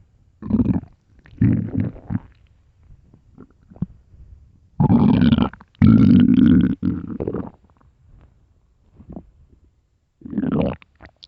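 Loud, deep, gurgling stomach growls in several long bursts with quiet gaps; normal hunger rumbling of an empty stomach.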